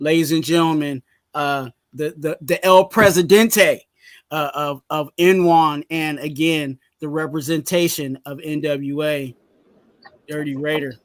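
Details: Adult man whose stuttering was severe in youth, now milder but still audible; stuttering.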